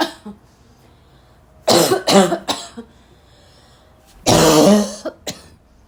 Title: 2 minutes of me coughing hard